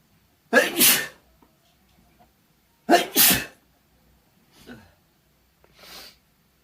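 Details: A person in bed sneezes after using chhinkni sneezing powder, also encouraging sneezes by inducing them: two loud, explosive sneezes about two seconds apart, then two softer sniffs or breaths.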